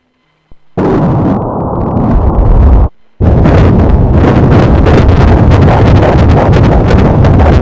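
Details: Fetal heartbeat on Doppler ultrasound at a routine check at 32 weeks 5 days, baby girl now head-down, normal amniotic fluid and placenta: loud, rough whooshing with rapid rhythmic pulsing after a brief dropout.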